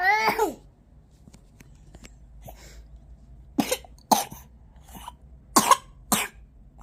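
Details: A child with a cough and runny-nose cold: a short vocal sound, then a quiet pause and about four sharp, dry coughs in close pairs.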